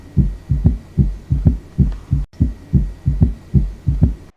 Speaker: s3 sound जो है s3 sound बहुत वीक साउंड है ठीक है नॉर्मली आपको सुनाई नहीं देता है